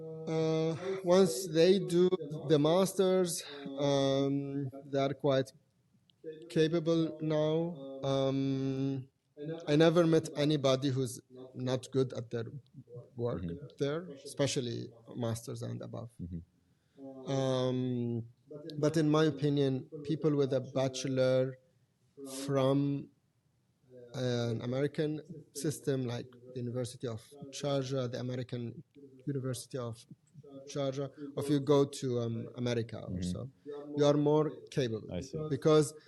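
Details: Adult man who has stuttered since age five or six, with blocks, lip and tongue tension, word repetitions and filler secondary behaviours; now controlled with pull-out and preparatory-set techniques learned in therapy in Germany. Stuttering.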